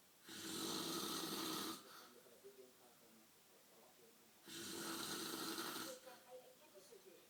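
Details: Heavy night-time snoring that keeps the listener from sleeping: two long, loud, rasping snores separated by quiet pauses with faint wet smacking sounds.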